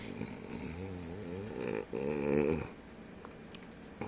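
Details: Two fluttering, vibrating snores on breathing in, followed by quieter breathing sounds; snoring in a sleeping boy.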